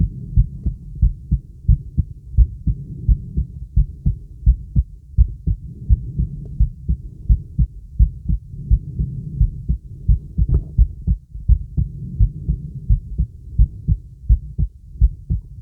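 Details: Girl's very loud heartbeat through a stethoscope, with skipped beats: loud, low heartbeat at about 86 beats a minute over a steady low hum.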